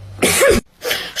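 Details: Acted cough by a girl performing in a school skit: two harsh, forceful cough bursts with a short pause between.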